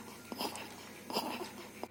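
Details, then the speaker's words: Two-month-old thriving male with noisy breathing for 10 days: inspiratory stridor, increased on crying, in short harsh pitched bursts; bronchoscopy showed an omega-shaped floppy epiglottis covering the glottic opening, confirming laryngomalacia. "so this was The Strider and we uh did the broncoscopy and we found that there was a omega-shaped floppy epiglottis covering the entire glottic opening so we we know that this is lingo Malaysia"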